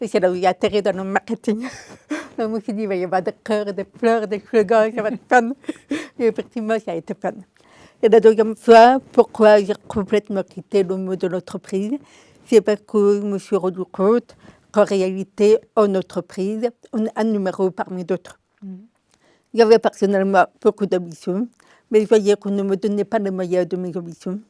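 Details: Adult woman with congenital deafness diagnosed at 9 months, told she would never speak, who learned to speak through 20 years of speech therapy three times weekly; she says her deafness is audible in her voice; deaf speech (congenital hearing loss).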